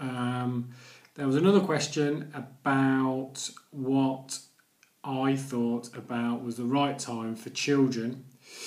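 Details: Stuttering (stammering) in an adult man, present daily for nearly 40 years.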